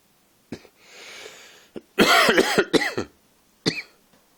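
A short breath in, then a quick run of four or five loud, harsh coughs with a voiced tail, and a final single cough.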